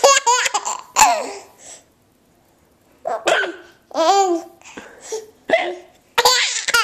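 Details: Hiccups from someone who finds them funny, with voices nearby.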